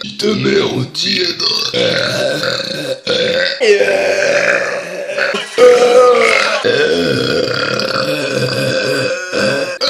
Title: The best burp compilation EVER !